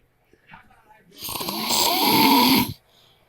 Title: My husband snores so loud pt 5